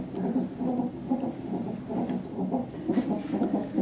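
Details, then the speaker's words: Twin fetal heartbeats on a hospital monitor in a mother about to be induced: rapid whooshing beats, about 136 a minute, two rhythms briefly matching for a few beats, then drifting apart again. "Sometimes they go identical. Yeah. For a few beats and then they go off on their own tangents again."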